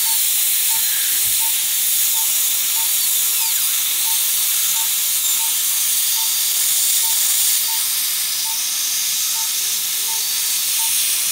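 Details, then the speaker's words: Dental handpiece polishing an MO filling on the adjacent second primary molar after a stainless steel crown prep in a child: steady high-pitched hiss and whine with a faint repeating beep. "I did an MO on the adjacent tooth that I'm just going to polish a little too."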